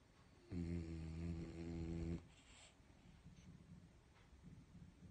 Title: snoring dog.calm and comfortable